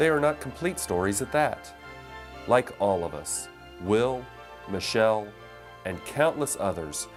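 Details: Adult male narrator; Normal speech.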